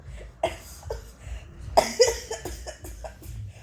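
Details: Several harsh, rattling cough bursts in quick succession, likened to a motorcycle, over faint background music and room noise; cough.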